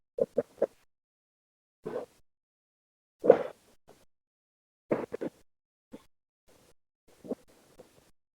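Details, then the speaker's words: Doppler ultrasound (O'Dive sensor) of bloodstream recorded 30–60 minutes after a dive: heartbeat with rough, turbulent whooshing bursts from a large amount of venous gas microbubbles. "you can hear the bubbles almost as if it's a form of turbulence picked up by the device there so it's a distinct difference really"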